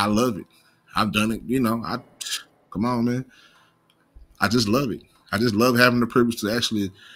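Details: Stuttering in an adult male who says he has a slight stutter and does not pronounce some words correctly.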